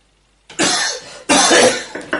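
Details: An adult coughing in bed gives two harsh, noisy bursts in quick succession and the start of a third: cough.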